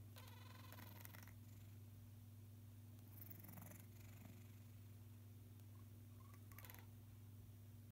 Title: Baby cat snoring with stuffy nose